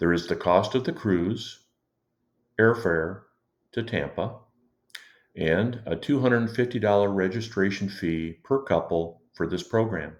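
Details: Adult male speaker; Normal speech.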